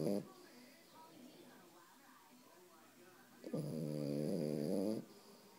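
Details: Snoring from a female puppy during her normal afternoon nap: a quiet room, then one long, pitched, nasal rumble on the breath.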